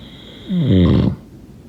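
A single loud, low, rattling snore on an in-breath, about half a second long, over faint room noise.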